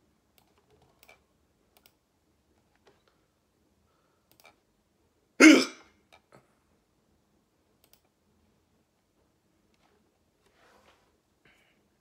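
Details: Persistent hiccups that won't stop. A single abrupt hiccup over quiet keyboard clicking.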